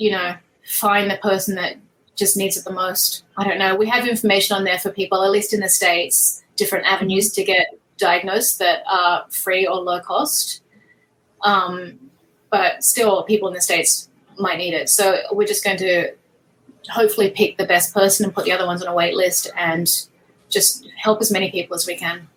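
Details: Adult woman speaking; normal speech.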